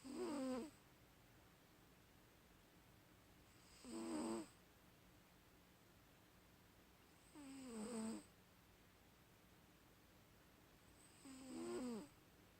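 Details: Regular rattling snores during sleep, about 16 a minute, with quiet pauses between breaths; ordinary snoring.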